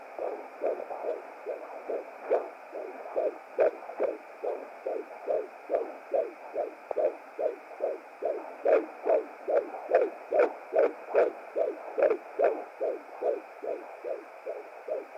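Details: Fetal heartbeat at 17 weeks 5 days of pregnancy on a hired Hi Bebe BT200 home fetal Doppler: fast, regular whooshing at about 145 beats a minute.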